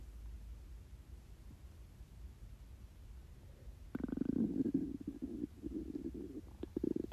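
After a quiet stretch, a long low gurgling rumble with bubbling pops; ordinary hunger growling from an empty stomach.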